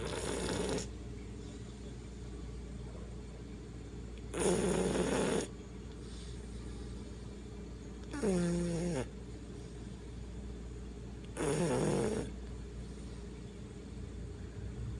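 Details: Loud, rattling snores about every 3–4 seconds, four in 15 seconds, over steady low background hum from a Bully dog: snoring.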